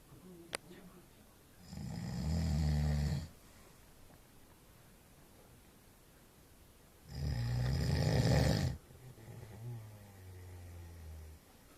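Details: Two loud, low, rattling snores about five seconds apart in a quiet room, with softer breathing between; snoring.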